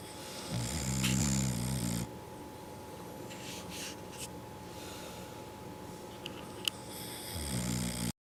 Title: Butch snores